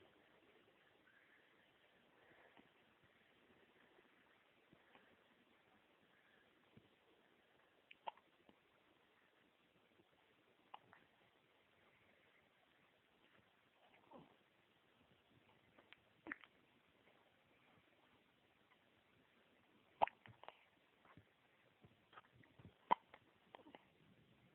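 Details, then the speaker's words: Little boy with hiccups: soft, sharp little gulping catches recurring irregularly in a quiet room. "Little boy's got hiccups. He's a hiccup monster."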